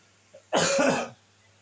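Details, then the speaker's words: One harsh, throaty cough, about half a second long, from an adult who says they are currently ill, recorded while reading a report aloud. "saya mohon maaf apabila saya ada terdengar suara batuk-batuk itu saya lagi sini lagi sakit"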